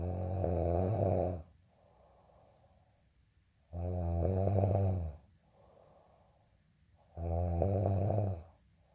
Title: day in life snoring asmr sound 221